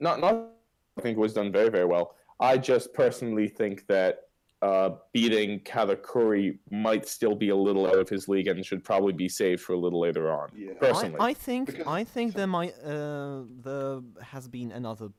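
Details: Adult male speaker; Typical speech.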